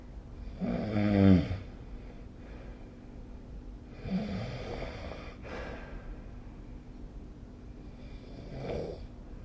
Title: 🐽 いびきの音 / Snoring Sleep Sound 2025/05/20